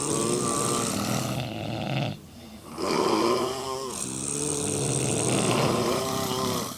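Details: Four women, all drunk, snoring together in a hotel room.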